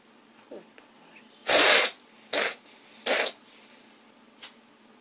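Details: Cat sneezing fit, possibly an allergy attack: three loud, sharp sneezes in quick succession, then a smaller fourth, in a quiet room.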